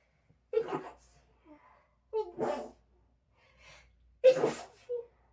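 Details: Seven sleepy, sharp sneeze bursts with brief pauses between them, followed by a powerful nose blow, in a quiet room; ordinary sneezing.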